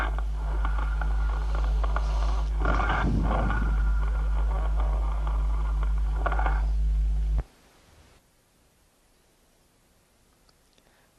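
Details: Hollow, low-pitched blowing breath sounds over a steady hum; cavernous breath sounds.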